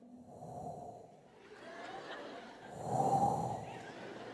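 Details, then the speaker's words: Imitated human snoring: soft, breathy snore that starts gently and swells louder on a longer noisy breath. "Otros roncan con un ronquido que empieza de menor y termina en mayor. Empiezan a roncar tan suave que hasta te relajas de lo suave que roncan al principio, así de..."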